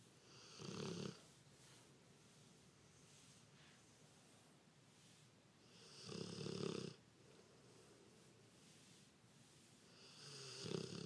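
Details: Sleeping pitbull dog: three loud rattling snores about every five seconds, with quiet breathing between; snoring.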